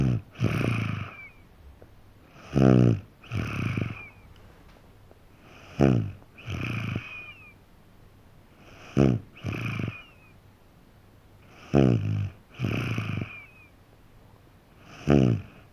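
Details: 3.5-year-old boy snoring in sleep: rhythmic breaths about 19 a minute, each rough and rattly; snoring.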